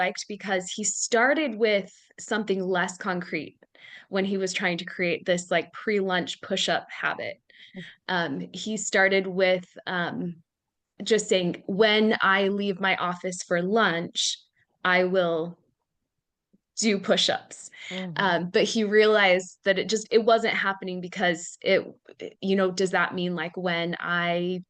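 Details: Adult woman speaking; Normal voice.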